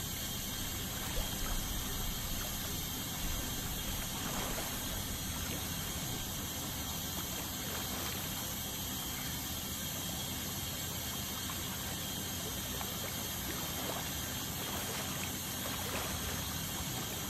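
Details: Ultrasonic scaling to remove tartar during a dental cleaning: steady high-pitched hiss with running water and suction gurgle throughout.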